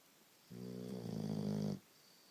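A single drawn-out, buzzing, voiced inhalation with a low rumbling tone, typical of a snore.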